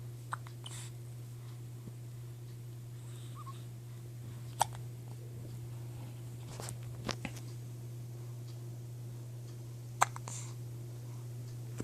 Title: gets the hiccups again